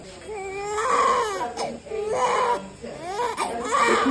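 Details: Newborn baby boy just after birth: loud, rhythmic crying in bursts with brief breaths between and faint adult voices nearby; a normal vigorous cry.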